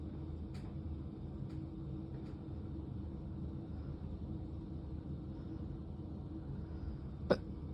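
Several faint, sharp hiccup clicks, then one louder hiccup, over steady low vehicle rumble.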